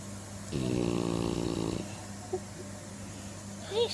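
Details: Staffordshire bull terrier gives one loud, fluttering snore over a second long on the in-breath in a quiet room; snoring.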